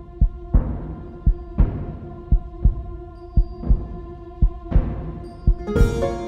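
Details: Paired thumping heartbeats about 57 a minute over a sustained musical drone; a produced heartbeat sound effect in an epic music mix.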